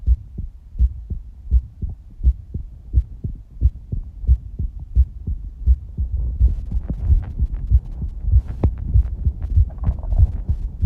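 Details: Steady low thudding heartbeat at about 85 beats a minute with rumbling background noise, recorded as a visible stomach pulse during breath-holding.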